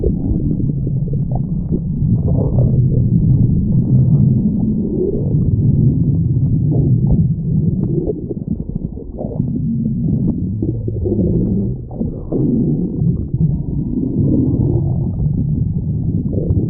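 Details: Long, low gurgling and rumbling sounds rolling on continuously; a loud stomach growl.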